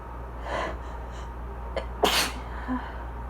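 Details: A quick inward breath, then one forceful sneeze over low room hum; a single sneeze during an allergy fit while reading aloud about pollination.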